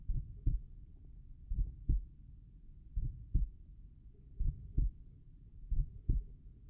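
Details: Slow, steady lub-dub pairs at about 43 beats a minute with no extra sounds, normal heart sounds heard at the tricuspid area.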